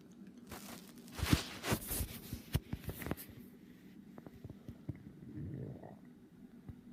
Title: Stomach growling